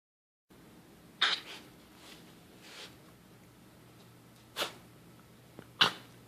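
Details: A cough.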